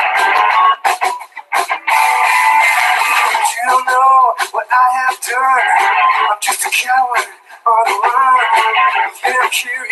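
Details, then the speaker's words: Normal hearing reference: unfiltered music as heard by a person with normal hearing, played before simulations of 30 dB hearing loss and tinnitus. "sí está en la normal vale ahora voy a poner como la escucharía a una persona que tiene un problema de audición ya perdió 30 decibelios"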